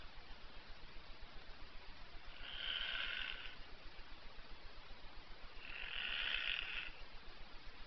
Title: Snoring Donald duck